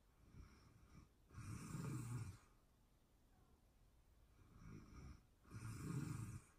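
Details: Real-time recording of a person asleep, excerpted from a longer session: two loud rattling snores on breathing in, with quiet breathing between them; snoring during sleep.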